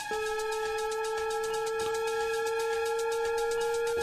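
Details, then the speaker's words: Defibtech Lifeline DDU-100 AED in a training demonstration: after the "shock advised, charging, stand clear" prompt, a sustained steady charging tone with fast faint pulsing over background music, before the shock button prompt. "analyzing heart rhythm do not touch the [Music] patient shock advised charging stand"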